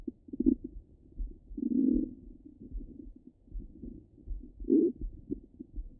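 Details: Stomach rumbling from a half-hour recording: low gurgling and bubbling rumbles with longer swells, bowel sounds.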